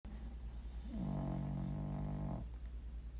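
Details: A single low, rattling, tonal snore of about a second and a half, rising then holding steady, over a constant low hum, from a sleeping dog in a household snoring contest: dog snoring.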